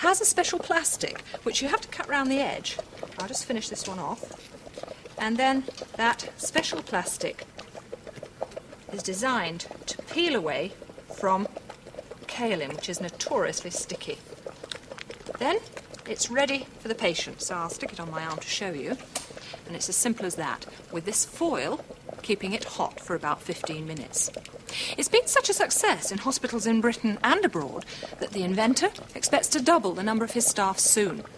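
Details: Adult speaker; normal speech.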